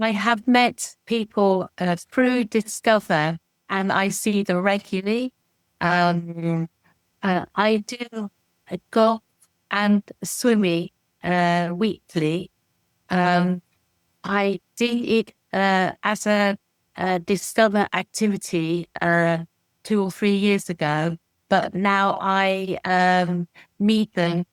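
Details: Adult woman with expressive aphasia after a stroke in December 2018, with four months of rehabilitation relearning speech; manages simple sentences but struggles with ideas and complex sentences, with comprehension less affected: expressive aphasia.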